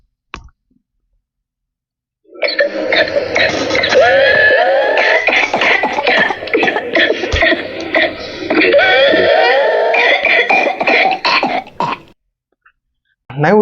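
A long run of rapid coughs in one breath with strained, high-pitched drawn-in sounds between; paroxysmal coughing with whoops of pertussis.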